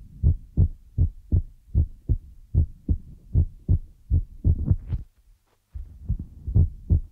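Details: ASMR ear-massage recording with feather rod and brush sounds; soft, low, regular lub-dub pairs about 75 a minute with a brief pause: heartbeat.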